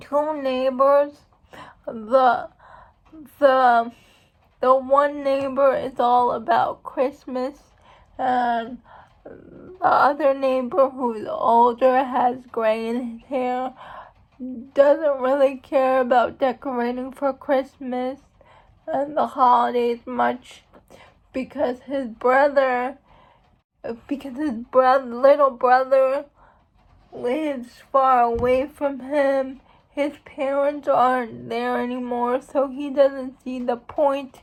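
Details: Adult woman who states she has cerebral palsy; dysarthria (cerebral palsy).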